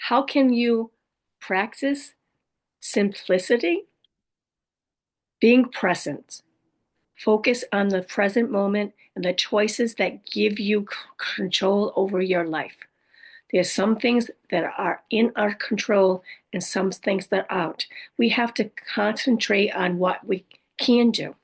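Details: Adult woman with aphasia, apraxia of speech, dysarthria and other communication challenges after a stroke; aphasia with apraxia of speech and dysarthria.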